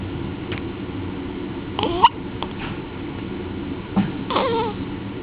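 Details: Baby girl with infant hiccups: brief repeated catches and small squeaky voiced sounds.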